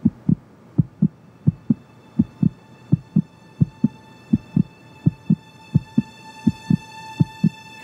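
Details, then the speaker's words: Rapid regular whooshing double thumps with a steady tone above, a fetal heartbeat on an ultrasound monitor in a TV drama scene (simulated). "Bence de biraz da sesini açar mısın Kalp atışların duymasını"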